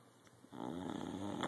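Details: A rough, rattling snore builds over about a second from sleeping bulldogs, two lying together, the noisy breathing of a short-nosed dog; snoring.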